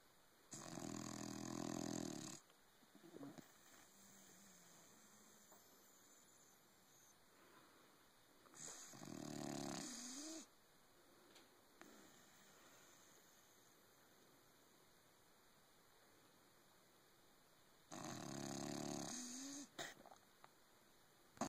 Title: Patches snoring